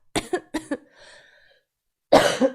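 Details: Female streamer, who says she coughs a lot all night, coughing on a live stream: four short dry coughs in quick succession, a faint trailing breath, then a louder burst; repeated coughing.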